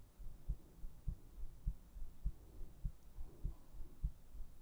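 Soft, steady, low thumping heartbeat at about 100 beats a minute.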